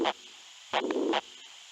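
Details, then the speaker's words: Holosystolic murmur from a sound-library app demo: tinny heart-sound playback with a steady rushing murmur filling the space between the first and second sounds. "so I see where the murmur locations are now let's listen to a hollow systolic murmur"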